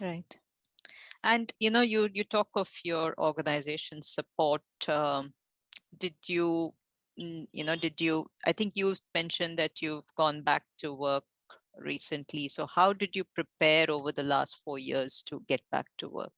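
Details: Adult woman, interviewer; Normal speech.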